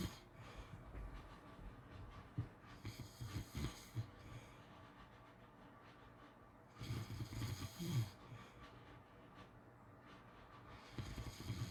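Rattling snores with a snorting edge, a burst every few seconds over steady room noise: snoring during sleep.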